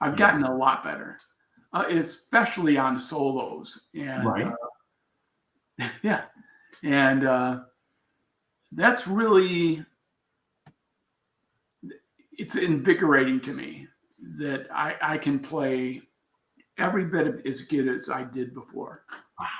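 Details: Adult man with aphasia after a traumatic brain injury from a bicycle accident about four years earlier, followed by coma; still recovering, with trouble finding words.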